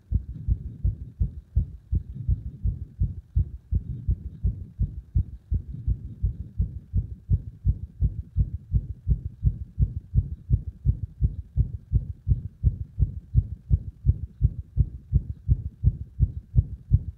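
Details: Heart sounds recorded with pressure applied, with frequent irregular beats: rapid, strong low thumps with uneven spacing and occasional early or dropped beats, fitting arrhythmia.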